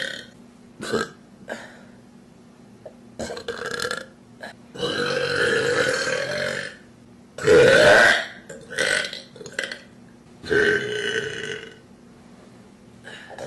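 Several loud, voiced burps of varying length, including two long drawn-out belches, from an adult.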